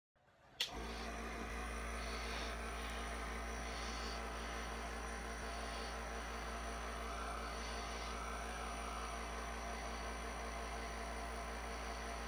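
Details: Nebulizer running.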